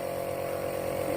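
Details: Home nebulizer compressor, used to treat a child's cough and cold, running with a steady mechanical hum and whir.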